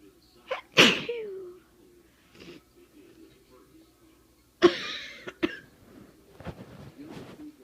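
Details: Two loud sneezes, the second followed by a short cough, with breathy sounds between; sneezing triggers coughing in a person whose head cold turned into a persistent chest cold.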